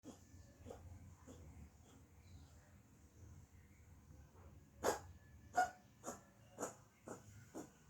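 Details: Repeated short, forceful hacking bursts with gagging, about six in a row, from a cat coughing as if about to vomit; cough with retching.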